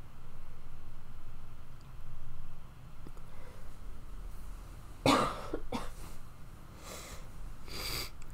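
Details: Acted roleplay of a young woman with a common cold who is struggling to sleep and has a headache, drippy nose and a bit of a cough: a few soft coughs with breathy sounds after quiet murmuring.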